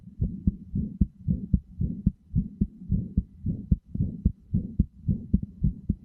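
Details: Steady low thumping heartbeat in paired beats, about 110 a minute, with soft whooshing between them; regular heart sounds, played as a sleep aid best heard with headphones.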